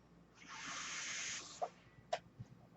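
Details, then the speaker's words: Real recording of a podcaster's own mechanical ventilator audible while he talks: a soft airy hiss lasting about a second, then a few sharp clicks from the machine. "My name is. That noise you're hearing is my ventilator."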